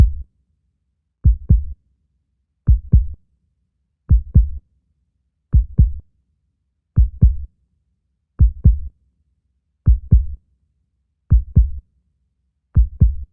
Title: The Sound of the Beating Heart